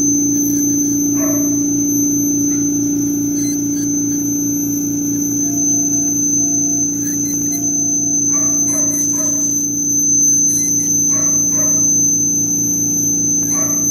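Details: Dental ultrasonic scaler and probe in use: a steady high-pitched whine with a low hum and intermittent scratchy contact sounds.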